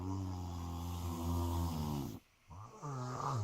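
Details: At night, around 1.43am, a long, deep buzzing snore on breathing in, a brief pause, then the next snore beginning; snoring that is keeping the listener awake.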